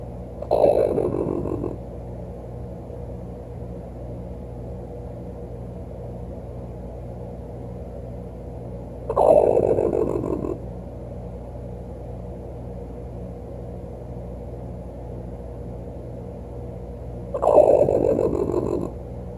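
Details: Pet raccoon snoring under a couch at night: three loud, rasping snores about eight seconds apart over a steady low household hum.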